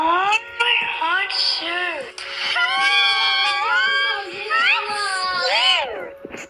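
Sustained high-pitched wailing cry with rising and falling pitch, broken by brief catches of breath.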